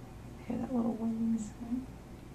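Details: Soft, high-pitched whistling in two brief bursts from a pet animal lying calm and relaxed during an acupuncture treatment with needles in place: a small wheeze.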